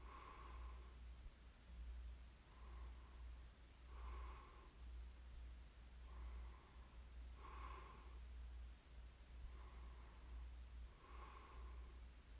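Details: Person snoring steadily during sleep, recorded for ASMR: a rough noisy sound on each breath at about 13 breaths a minute, with a low background hum.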